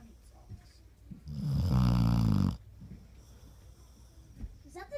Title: Snoring dogg